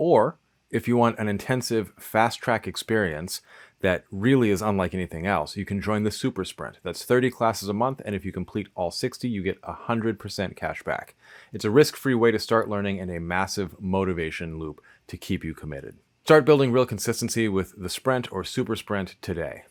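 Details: Adult male speaker; ordinary speech.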